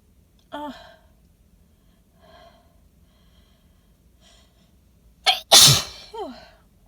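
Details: Adult sneezing into cupped hands after sniffing pollen-loaded flowers, in a car; sneezer suspects allergy or sensitivity. Sniff and build-up breaths, sharp gasp, then a loud wet explosive sneeze and a groan; sneezing.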